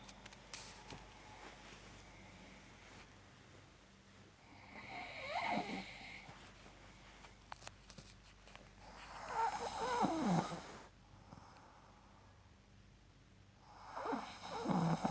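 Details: Loud, rough, heavy snoring breaths recurring about every four to five seconds, with snorting on inhalation.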